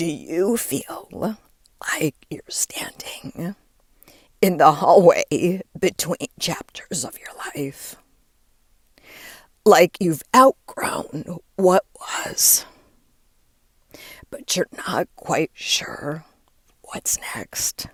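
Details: Adult woman with diagnosed spasmodic dysphonia, which she links to stress; onset when her voice started to go and words barely came out while speaking at an event; still present and still being worked through; spasmodic dysphonia.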